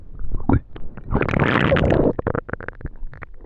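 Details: Hungry stomach: low bubbling rumbles and a longer gurgling growl, then quick popping gurgles; ordinary hunger borborygmi.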